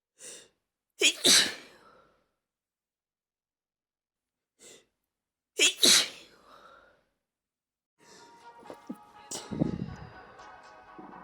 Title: sneezing fits